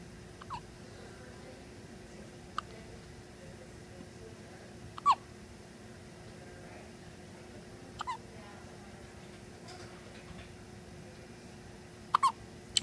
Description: Our 1 week old baby having the hiccups! So cute!!